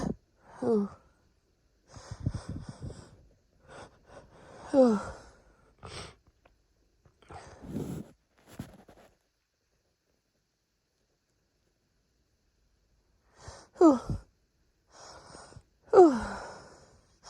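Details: Hitchy sneezing fit, female: a run of repeated sneezes, each with a quick catching inhale before the burst, separated by quiet pauses.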